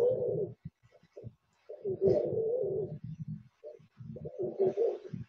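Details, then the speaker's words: Low-pitched, snoring, cooing rumbles with each breath: rhonchi, described as air moving through tracheobronchial passages, often heard in pneumonia, chronic bronchitis or cystic fibrosis, and usually clearing after coughing. "I occur in the broth as air moves through tracheal bronchial passages you get this this is often heard in pneumonia chronic bronchitis for cystic fibrosis rock I usually clear after costing"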